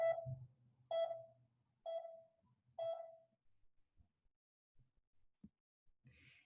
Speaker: so pulse oximeters beep with each heartbeat allowing the provider to calculate the heart rate